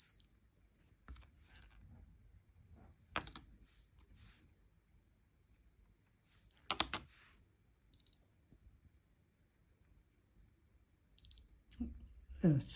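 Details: Short electronic beeps from Lifechek Stick blood glucose meters during a repeat-measurement precision test by a person with 30 years of type 1 diabetes: two meters, four tests, first readings 118 and 115, over quiet room noise.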